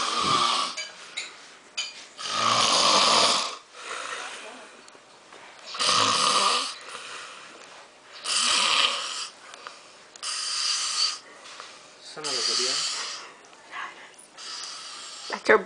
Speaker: um it's Christmas Eve and um my cousin is sleeping in my living room snoring and you just have to hear it